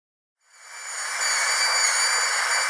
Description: Who is also afraid of the dentist? Then don't listen to this terrible sound of a dentist's drill, it is extremely painful in the ears.